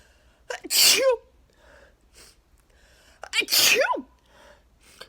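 Two forceful sneezes in quick succession, each with a sharp intake of breath before it; part of a repeated sneezing fit, apparently allergic.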